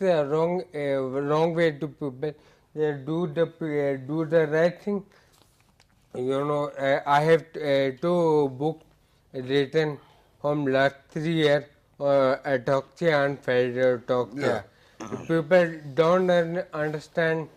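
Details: Adult male with ataxia affecting speech, balance, posture and gait; a neurologist describes the speech as scanning speech; ataxic dysarthria.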